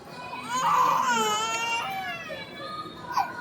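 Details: 5-month-old baby crying during ear piercing: loud, high-pitched crying with a strained, wailing quality and brief breaks for breath; a distressed pain cry.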